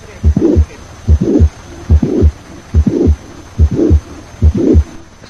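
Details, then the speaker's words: Mitral valve prolapse: mid-systolic click followed by a short late systolic murmur of mitral regurgitation, regular rhythm near 71 a minute; teaching recording. "Mid-systolic click. It may be accompanied by a late systolic tremor due to mitral regurgitation."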